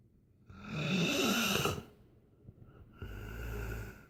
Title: Snoring 4